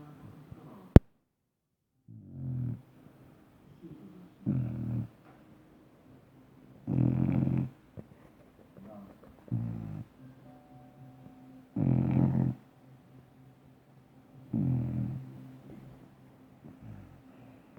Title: Dobermann funny snoring dog śmiesznie chrapie pies